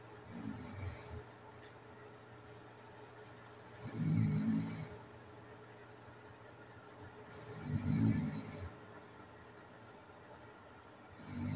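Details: Rough, low snores with a hissing edge, about 17 a minute, separated by quiet gaps, recorded overnight in an adult with sleep apnea; snoring.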